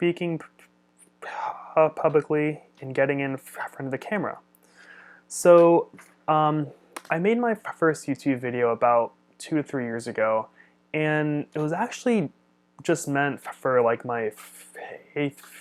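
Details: Adult man who stutters and studies speech-language pathology; stuttering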